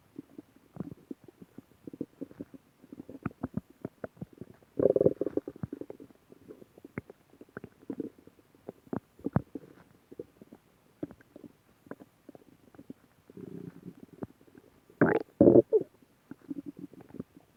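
Irregular gurgling and bubbling rumbles with a few louder squelching bursts, the ordinary sound of a growling stomach.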